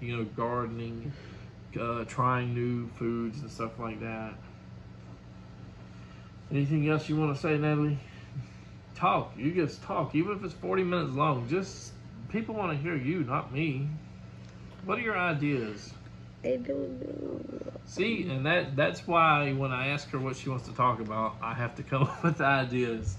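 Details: Adult male speaker in a small room, with a brief reply from a second speaker; conversational speech.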